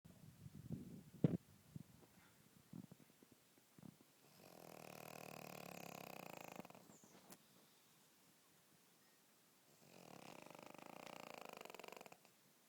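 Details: Snoring from a sleeping pug dog: a few small snuffles, then two long, rough, rattling breaths a few seconds apart in a quiet room.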